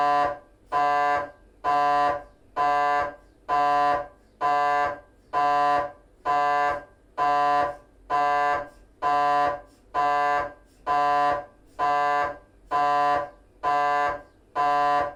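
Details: MRI scanner noise from a GE 3T scanner, temporal bone (Felsenbein) protocol, during a T1-weighted 3D sequence: loud, steady tonal buzzing in regular bursts about one a second with short gaps.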